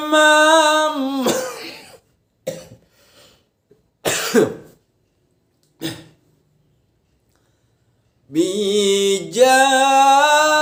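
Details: Someone testing their voice by singing sholawat Burdah at low, medium and high pitch; a held high note breaks into several short, harsh coughs, then singing resumes at a strained pitch.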